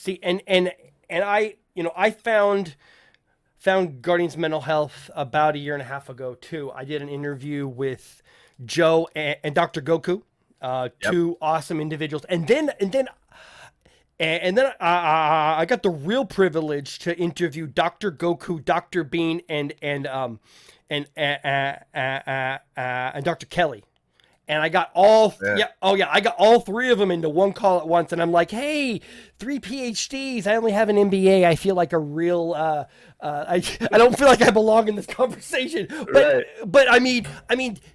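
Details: Adult male podcast host who says he stutters, with people in voice chats often asking him to repeat himself; word repetitions such as repeated phrases; stuttering.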